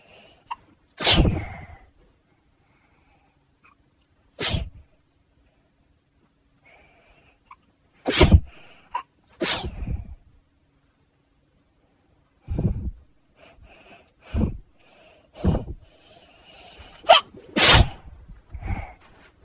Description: allergic to most things but this is an allergic reaction due to the dust in my loft🤧